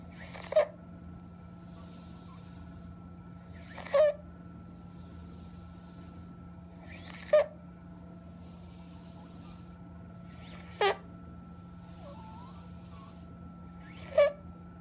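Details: Child with breathing complications after 3 days of inpatient care, showing stridor with retractions: short, harsh, high-pitched noisy breaths at about 18 a minute.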